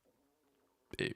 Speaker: Sorry by the way if you can hear my stomach growling. I'm very hungry.